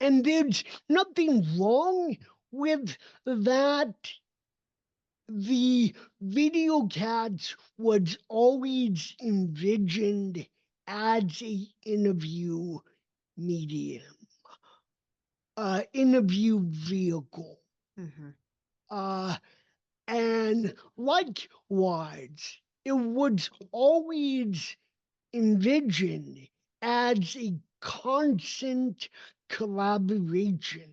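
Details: Dysarthria in an adult man with cerebral palsy; his speech did not develop until age seven, after extensive speech therapy, and he still trains it constantly.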